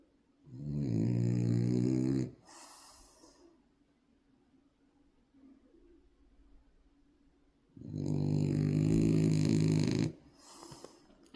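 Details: Two long, loud rattling snores on the in-breath, about five seconds apart, with quiet breathing between: snoring in a sleeping French bulldog puppy.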